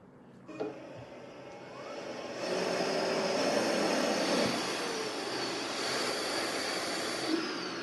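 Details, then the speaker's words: ABMRC BiWaze Cough mechanical insufflation-exsufflation device in automatic mode, set to two cycles, runs one inhale-exhale cycle with a steady rising whoosh and hiss, pushing air in and then pulling it out. "Si yo coloco dos ciclos, vamos a tener"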